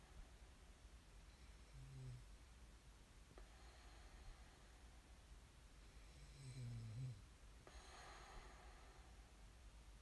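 Two soft, low rumbling snores about four seconds apart over steady room hiss. Quiet snoring during sleep.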